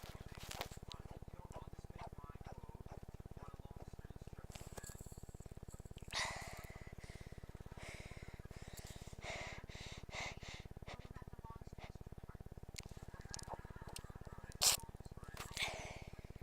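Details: Person awake at 5 a.m. who felt a nose tickle, in a sneezing fit, deliberately holding sneezes in: several brief, muffled stifled sneeze bursts with held-in gasps over a steady electrical hum.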